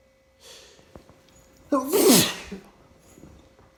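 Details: Sneezing fit on an unusually warm, rainy day (weather suspected as a factor): a quick breath in, then one loud explosive sneeze trailing into a breathy exhale; sneeze.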